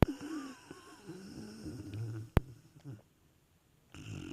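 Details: Snoring from a deeply sleeping dog, oblivious to the world: soft low rumbling breaths with a snuffly, fluttering quality, then a sharp click and quiet.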